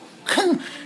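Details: A person imitates their pet cat's hiccups for a veterinarian with one abrupt, gulping vocal burst that slides in pitch; the owner is unsure whether it was hiccups or choking.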